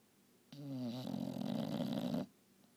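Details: English bulldog snoring loudly during a nap: a single long, low rattling snore starting as a tonal drone and turning into coarse flutter.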